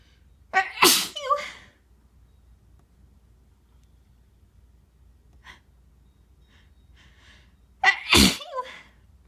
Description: these are my normal sneezes, induced with a tissue. i blow my nose a few times as well.